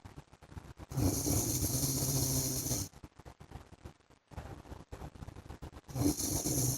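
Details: Snoring from an adult man (husband) during sleep: two long, loud, rough snoring breaths with quieter noisy breathing between them.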